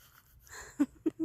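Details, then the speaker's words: A little bunny lying with its littermates has hiccups: three brief, abrupt hiccup sounds in under a second against quiet room noise. "oh that little guy's got hiccups oh look at you see you got hiccups"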